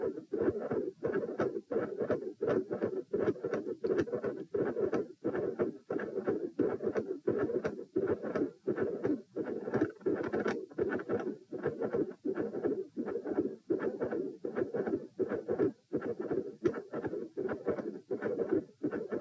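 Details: Stethoscope heart sounds recorded standing and sitting, rate near 85/min: continuous whooshing murmur through the cycle that reduces on position change, with split S1 and S2.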